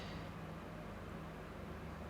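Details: Endoscopic microsuction of a soft ear wax plug and keratin skin ribbon from the ear canal, with heavy oil use by the patient: steady low rushing suction noise without breaks.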